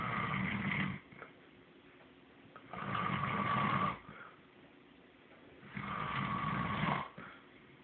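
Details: Loud, rough snoring on each in-breath, about 20 breaths a minute, with quiet pauses between; ordinary snoring.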